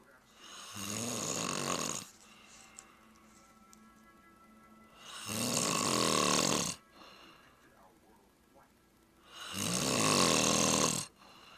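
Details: Snoring recorded January 13, 2010 with a Flip Video camcorder: three loud, harsh, rattling snores about four seconds apart, with quiet pauses between them.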